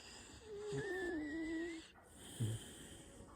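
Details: Sleeping dog snoring: a long high whistling breath followed by a short snort, with noisy nasal breathing.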